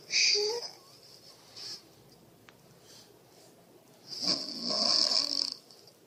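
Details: Mother snoring beside a baby, who is startled by it: two loud, rough, rattling snores with high whistling edges, separated by quiet breathing; snoring during sleep.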